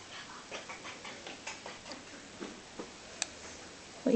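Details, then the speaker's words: Teeth grinding (bruxism): a run of faint, irregular clicks and scraping ticks as teeth rub together. "are you grinding your teeth what are you doing good no"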